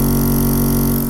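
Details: Compressor nebulizer for asthma and respiratory disorders switched on for demonstration: loud steady motor hum with fast rhythmic pulsing, running normally.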